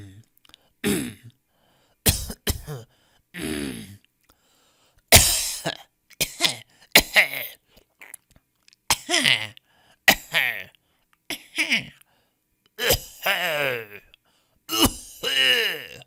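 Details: Stock audio of people coughing in different styles: about a dozen separate cough bursts, some harsh and some throat-clearing, with short silent gaps between them.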